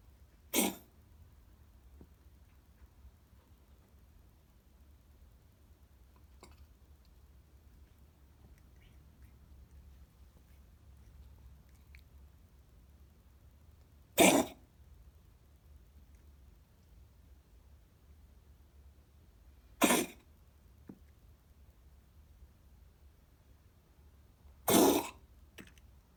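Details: Cat with a persistent cough, later found to be a lung Mycoplasma felis infection after a normal X-ray; steroids and an antibiotic shot did not help. Four short, harsh, forceful cough bursts separated by quiet pauses.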